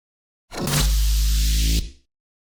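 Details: Single low, steady rumbling growl just over a second long from Susan the bunny, a rabbit recently cleared from hospital; normal stomach growl (borborygmi).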